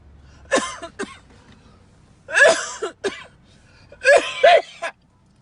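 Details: Person at a car dealership during a live video coughing; three bouts of harsh coughing in quick double bursts over about five seconds. Cough.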